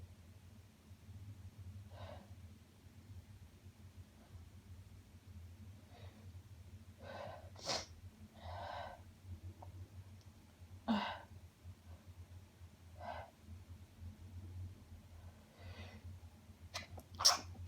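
A sharp sneeze burst, then repeated short nasal sniffs and snorts against a steady low room hum.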